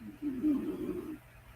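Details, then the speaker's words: Sleeping pet snoring, owner says snoring is getting really loud: a single soft, low rumbling snore lasting about a second. "But his snoring is getting really loud."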